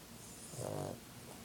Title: Puppy snores like a trucker